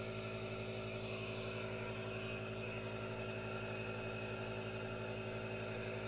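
Constant buzzing motor hum with a steady hiss: a nebulizer compressor running continuously.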